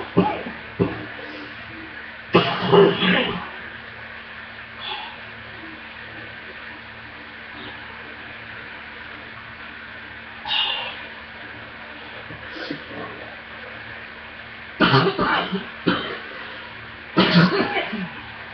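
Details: Scattered deep, heavy coughs over a steady background hum on a poor laptop recording. This was a severe deep chest cough attack that shook the whole body and took the breath away, and needed an inhaler and a breathing treatment.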